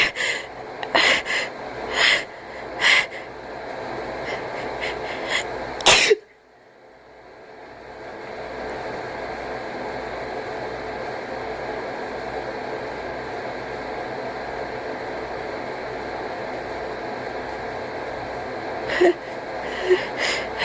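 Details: Cat gives a quick series of sharp sneezes with noisy, wheezy, gasping breaths over a steady background hum; sneezing with wheezing.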